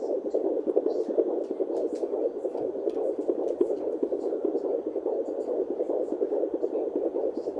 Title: Heartbeat using fetal doppler at 17 weeks